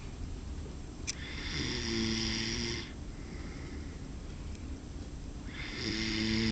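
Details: Amer asleep: two loud rasping inspiratory snores with a quiet pause between, rough fluttering tone over faint room noise. Snoring.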